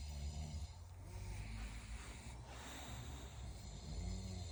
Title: Bulldog snoring #sleepybulldog #princesspeachbulldog sleeping in like it’s Sunday